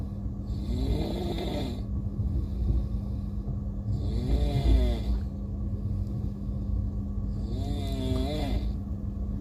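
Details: Passenger snoring on an Indian railways train: three drawn-out, buzzing snores about every three and a half seconds over loud, steady train rumble.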